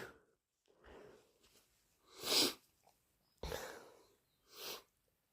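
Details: Induced allergic sneezing: sniffing and breathing, then two loud explosive sneezes and a rushing nose blow.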